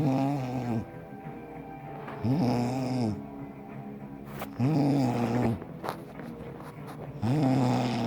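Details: Regular low, tonal snores about every two and a half seconds, with music in the background; snoring.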